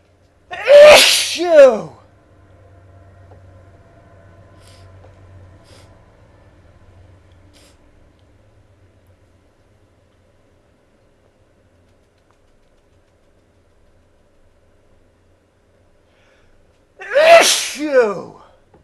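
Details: Adult male with allergies in a sudden sneezing fit, recorded from about the seventh sneeze and turned away from the microphone: two loud, explosive sneezes about sixteen seconds apart.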